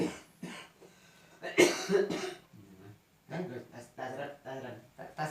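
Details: An adult coughs hard once or twice amid murmured speech in a quiet room, during a traditional massage therapy session for cough with fever and chills.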